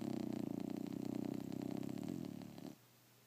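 Steady rattling, fluttering rumble from a dog that stops abruptly; a vibrating snore.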